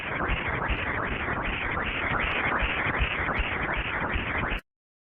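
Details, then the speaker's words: Fetal ductus venosus Doppler: rapid rhythmic whooshing pulses at about 240 a minute, a characteristic washing-machine-like sound; the D-wave reflects ventricular diastole and the A-wave atrial contraction; listening while sampling confirms correct cursor placement. "The ductus venosis has a characteristic sound. Its sound looks like the sound of washing machine."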